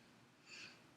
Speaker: okay good so patient has no difficulty with inspiration lungs expand symmetrically and bilaterally